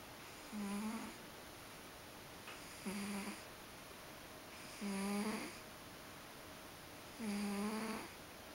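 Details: Ragdoll cat sleeping comfortably and snoring.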